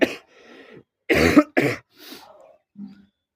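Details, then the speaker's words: Adult with a cough gives a couple of forceful, harsh coughs with softer breathy throat sounds between them, before trying alcohol someone said eases coughing; cough. "हो गई है तो अभी हम लेंगे इसका सहारा खांसी ठीक करने के लिए हम इसका सहारा लेंगे"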